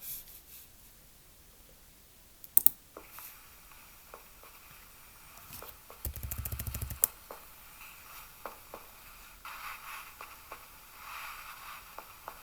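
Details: Percussion to assess liver size, right side, middle finger of right hand tapping middle phalanx of left hand: soft, scattered finger taps with a brief run of quick tapping; percussion note over the liver.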